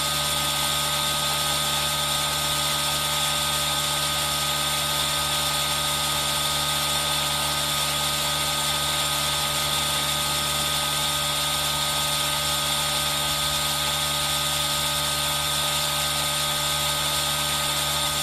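Constant hissing, whirring hum of a running nebulizer mixed with steady rain noise, with no breaks.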